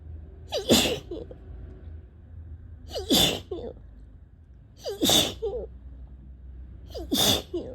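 Four forceful sneezes in a row, about every two seconds, each with a quick indrawn breath before it.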